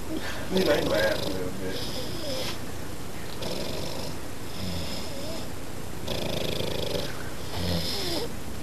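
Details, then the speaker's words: Old man, drunk, snoring loudly during sleep while denying he snores; likened to a train or a moped: loud, rough, rattling snores on each breath, about six in eight seconds, with faint voices in the room. "It was a little loud. He was drunk. There's a train in there. Like a moped."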